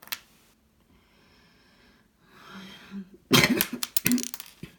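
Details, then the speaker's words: A woman with the remains of a cold gives a run of several sharp, loud coughs in quick succession in a small room, after a quiet stretch and a soft breath. "девочки простите остатки моей простуды"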